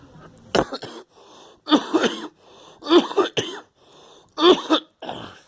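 Four loud, harsh coughs in separate bursts with short pauses between them; an ordinary adult cough.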